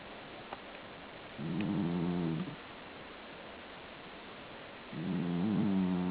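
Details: A sleeping pet gives two slow, low rumbling breaths with a buzzing, fluttering tone, separated by quiet pauses; snoring.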